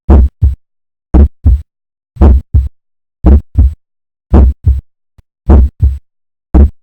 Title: Aortic valve auscultation